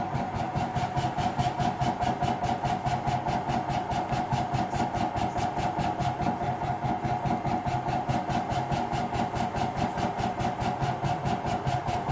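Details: PEGASO cough assist device in percussion therapy mode: steady mechanical hum with rapid regular pulsing, percussive airway oscillation; frequency can be increased to boost drainage.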